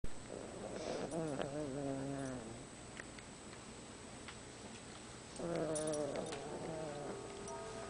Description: Our toy poodle out cold...snoring!